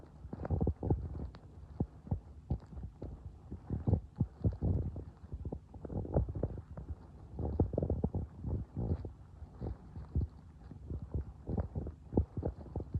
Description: my tum being noisy again you can hear it growling and gurgling in hope that my tum gets my channel better with all of the noise it makes my belly is always making noises and I do enjoy listening to my tum being loud and sometimes I put my hand on my tummy to feel the rumbling